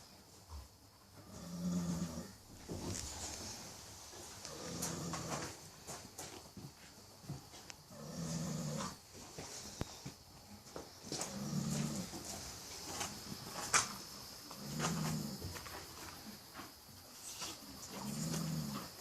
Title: Baby snoring horse